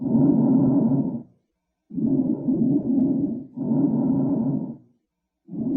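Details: COPD patient, linked to smoking: long, noisy breath sounds with a musical, whistling quality, about three cycles in six seconds; wheezing from narrowed airways.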